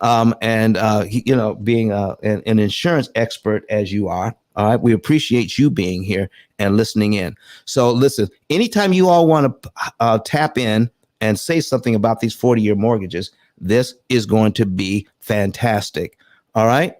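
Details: Adult male speaker; Normal speech.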